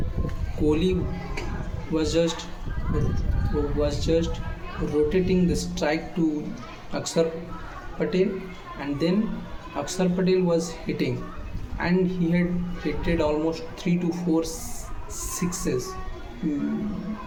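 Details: Male speaker with self-reported stammering: stuttering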